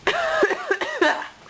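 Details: Adult sick with a cold, just after strep, lying down: a quick run of three or four voiced coughs in a quiet room.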